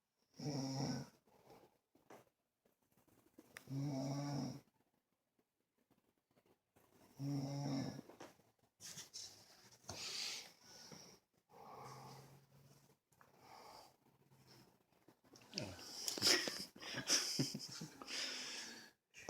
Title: Snore with Angel Bear classic video